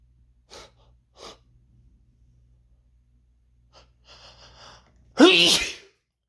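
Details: A few quick inward breaths and a brief vocal attempt at saying "I'm gonna sneeze", then one loud explosive sneeze with some spray.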